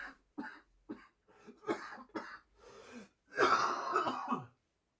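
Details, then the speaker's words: Adult, apologizing mid-talk, gives a run of short, throaty coughs and throat-clearing sounds ending in one longer, harsher burst. "cough. I'm sure you can still hear that. That was bad."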